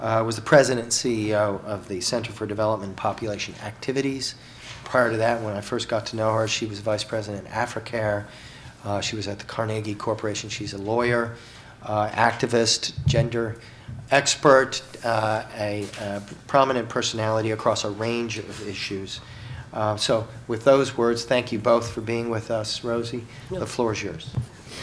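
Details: Adult male speaker; normal speech.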